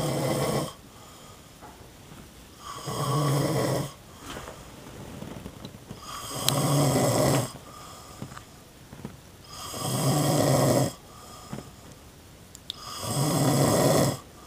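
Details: Sleeping man snoring while makeup is applied to him: loud, rough snores on each inhalation, about four in fourteen seconds, quiet breathing between, small quiet room; snoring.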